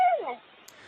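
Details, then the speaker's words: Rescued pet raven in British Columbia gives a short, sharp call falling in pitch, seemingly mimicking a human sneeze; its first learned mimic, not illness. "The raven's name is Huxley, and that's the sound of the bird seemingly mimicking a human sneeze."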